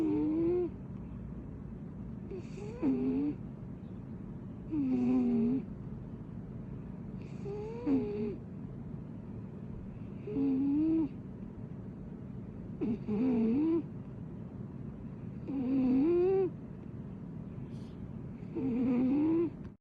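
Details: Regular, tonal, rising snores about every 2.5 seconds (roughly 22 per minute) over a steady room hum: snoring.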